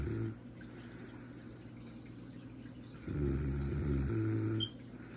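Low, rumbling, fluttering snores on inhalation, with a quieter pause between breaths; ordinary snoring.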